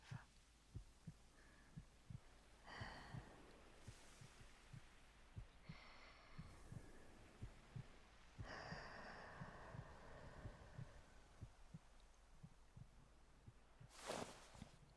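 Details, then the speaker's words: Fictional audio roleplay (ASMR), not a clinical recording: steady, soft, low heartbeat thumps at about 68 beats a minute, with faint breathing and rustling in the background; a regular heartbeat. "Odd question, but would you like to feel my heartbeat? Here, come close. I promise you, nobody's watching but me. You hear it? Soft, alive."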